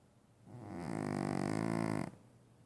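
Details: A single loud, vibrating, rattling snore on one inward breath lasting over a second; loud snoring from Oscar.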